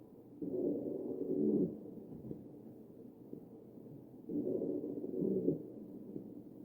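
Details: Wheezing heard over the chest of a patient on a ventilator, recorded from a real patient.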